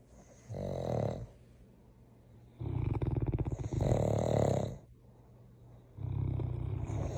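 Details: Sleeping dogs snoring, one of two in a household that includes a giant Mastiff: repeated low, rattling snores, some with a fluttering vibration, about one every two seconds.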